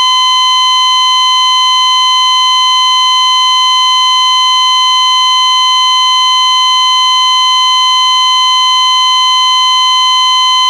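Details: Steady, unbroken high-pitched tone from an ECG heart monitor: a flatline alarm from a sound effects library recording, signalling no detected cardiac electrical activity.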